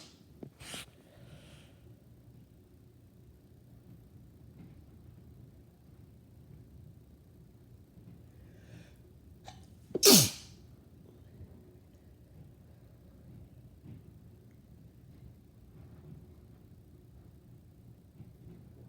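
A single loud, explosive sneeze about halfway through, with a faint smaller burst near the start, in a quiet room.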